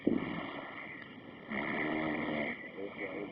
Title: alto ronquido!!!